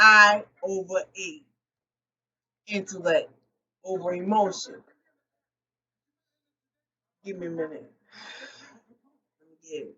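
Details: Post-stroke aphasia in an adult woman, a stroke survivor speaking unscripted and not always correcting her own errors; aphasia.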